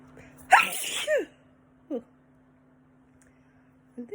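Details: Adult sneezing while sniffing home fragrance incense samples (lavender); one loud, sharp sneeze followed by a short breath and quiet room hum; ordinary scent-triggered sneeze.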